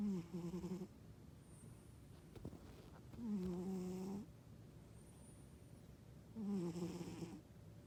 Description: I thought my husband was snoring, found out it was my cat !!